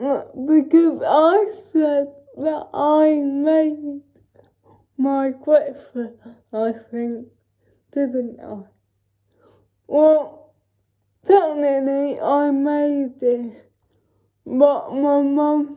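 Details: Dysarthria in a female speaker with cerebral palsy, real everyday vlog speech.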